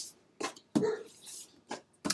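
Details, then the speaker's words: A cat's coughing episode heard in a quiet room during a home recording: a run of short, harsh, hacking bursts. "can you hear my cat for coughing little guy"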